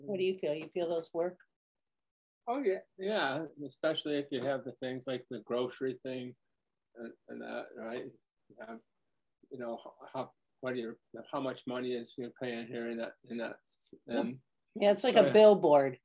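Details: Man diagnosed with primary progressive aphasia the previous summer, with word-finding difficulty; speech varies between good and bad days and is worse when tired; primary progressive aphasia.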